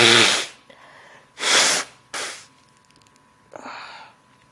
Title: Sneezing into a handkerchief